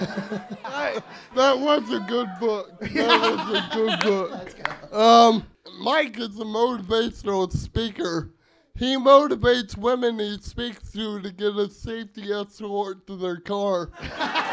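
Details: Adult man speaking on stage to an audience; Dysarthria (cerebral palsy).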